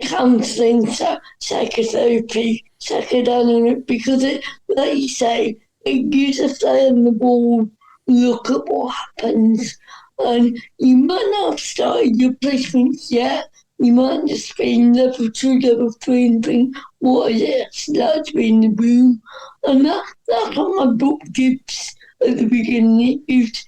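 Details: Dysarthria in an adult woman with cerebral palsy, which is stated to affect her speech.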